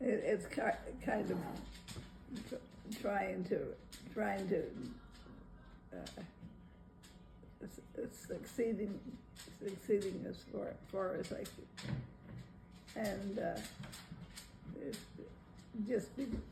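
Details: Broca's aphasia in a 90-year-old woman after a left ischemic stroke, during recovery, completing about half her sentences, with repetitions and incomplete sentences.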